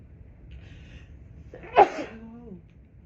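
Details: Female with a stuffy nose, after a failed electric-toothbrush attempt, induces a sneeze with a q-tip: quiet in-breath, then one sharp tickly sneeze with a brief voiced trailing sound.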